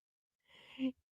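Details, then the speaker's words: Single rasping, snorting breath from a sleeping pet bulldog: a short snore in a quiet room. "Can you hear my dog snoring? That's my bulldog. If you hear a dog snoring."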